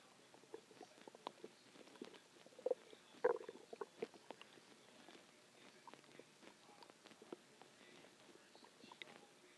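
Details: Stomach growling (borborygmi) a few hours after a huge meal: quiet, scattered gurgles and clicks from the belly, with a few louder squeaky rumbles.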